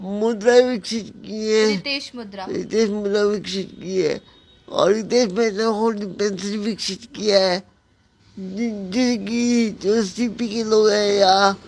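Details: Dysarthria in an adult man with cerebral palsy speaking Hindi, with garbled, fragmentary speech.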